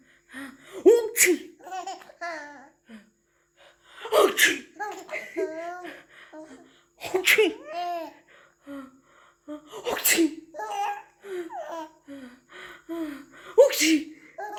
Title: My cute little princess giggles when u sneeze